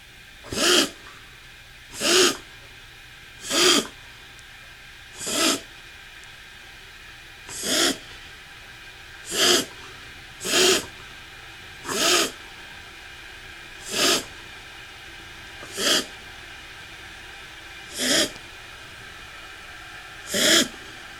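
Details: 11-year-old dog named Sandy, owner very concerned: twelve short, harsh, hoarse coughs, evenly spaced every one to two seconds.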